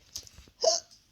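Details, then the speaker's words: A single sharp, breathy hiccup after faint rustling in a quiet room, from a patient speaking less than 24 hours after large bowel removal for bowel cancer who says they keep hiccuping. "I got a thing near my arm. I keep hiccuping."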